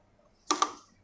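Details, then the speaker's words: Wall oxygen hose connector seated into a Newport e360T ventilator inlet during setup before use: sharp double click confirming proper fit, with no hiss of escaping oxygen afterward. "bunyi klik Hai kalau masih terdengar udara atau oksigen yang ngurus berarti belum pas Harus Sampai bunyi klik dan tidak ada hembusan dari oksigen"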